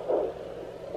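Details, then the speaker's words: Single soft whooshing pulse over steady hiss: the pregnant mother's own heartbeat on a home fetal Doppler, probe on the midline angled under the pelvic bone, in a twin pregnancy. "you can hear heartbeat right now. There it is."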